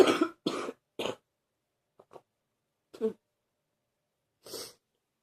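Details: A run of three forceful, deep coughs, then three quieter, spaced coughs over about five seconds; ongoing deep coughing in someone feeling a bit better.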